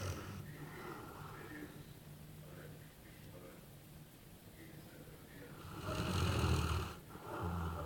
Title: Dog snoring